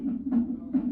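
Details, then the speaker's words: Fetal heart tones on electronic fetal monitor Doppler at 37 weeks 3 days, rhythmic whooshing around 140s bpm, distinguished from maternal pulse about 60; normal fetal heart tones, training demonstration. "okay so when you first hear fetal heart tones I always like to you should you can put um you want to compare to make sure it's not the pulse of the mother"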